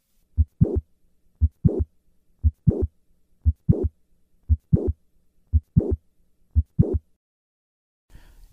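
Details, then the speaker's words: Mitral valve prolapse: regular heart sounds near 58 a minute, mid-systolic click and short late systolic murmur, both moving later in systole on going from standing to squatting. "the click and murmur are affected by dynamic maneuvers such as squatting moving from the standing to the squatting position causes the click and murmur to move later in systole"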